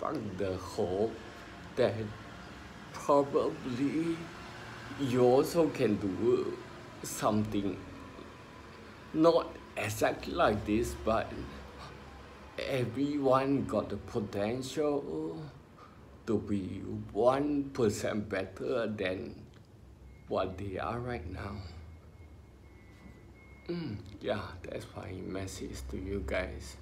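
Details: Ataxic dysarthria in an adult male with spinocerebellar ataxia, diagnosed by a neurologist about 20 years earlier after trembling hands and an unsteady walk.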